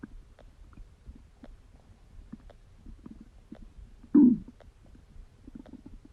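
Soft gurgles, clicks and low bubbling from the belly with one louder rumble midway: ordinary bowel sounds of digestion.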